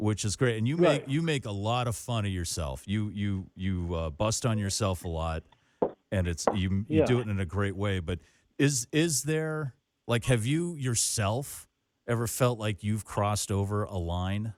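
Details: Adult male speaker; ordinary speech.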